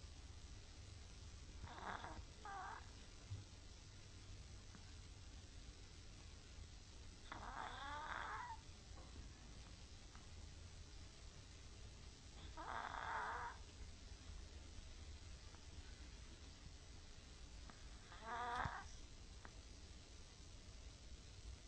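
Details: Chihuahua, a slightly overweight older male dog, sleeping with rhythmic rattling snores about eleven per minute: stertor.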